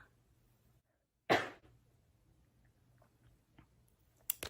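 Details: A single sudden, sharp sneeze from a woman filming herself talking to camera, in a quiet room, followed by faint rustling and a few small clicks: a sneeze.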